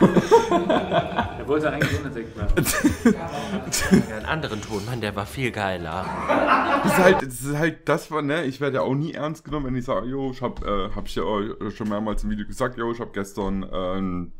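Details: Adult man; normal speech.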